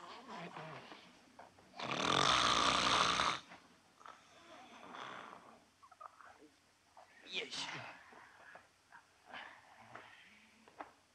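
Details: Snoring of a sleeping man in a scene from a 1967 Japanese film.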